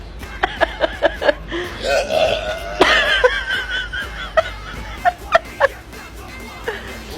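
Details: Adult male after drinking too much, burping with every hiccup: a rapid series of short burps with a hiccup-like catch, with laughter and music in the background.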